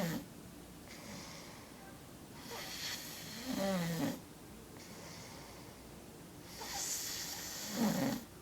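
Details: Person snoring during sleep: rough, rattling breaths, roughly 15 a minute, with a vibrating snore on each breath in a noisy room; snoring.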